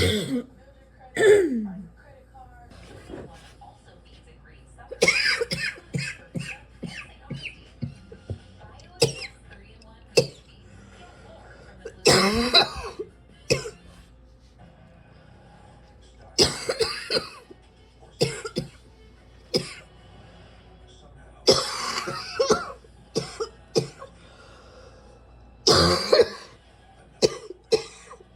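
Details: Repeated bursts of coughing in clusters with brief pauses from a person sitting and coughing in fits: a persistent cough that will not quit.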